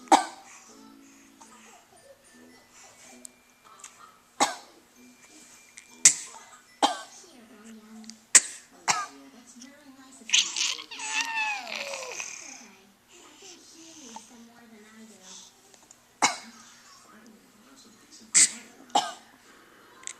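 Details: Young boy and his mother trading short, deliberate forced coughs, with a playful voiced squeal midway; voluntary (fake) cough.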